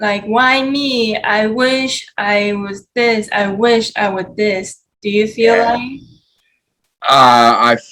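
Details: Aphasia in a 33-year-old man after heart surgery and a stroke in 2019; he initially could not speak or move his body.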